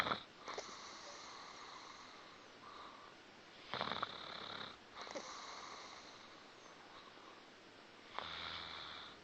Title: molly's delightful snoring.